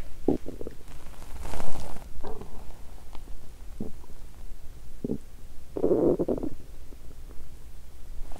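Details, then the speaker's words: Several loud, low gurgling rumbles with a long bubbling burst near the end; borborygmi after exercising on an empty stomach, about 24 hours without solid food. "Tôi đói vì tôi tập thể dục khi bụng đói 😫 " Tôi không dừng lại!"."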